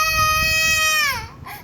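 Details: Baby crying because he is stopped from pouring his feeder-bottle milk onto the bed and refuses to drink it: a single loud, sustained, high-pitched wail that drops in pitch at the end.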